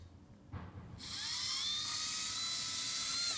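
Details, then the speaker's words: Steady high whine after a soft contact sound: slow-speed handpiece with prophy angle running during coronal polishing with prophy paste, moving across the gingival margin to clean the tooth. "what I'm going to do is I'm just going to make sure I come across the ginger B margin and then clean the tooth"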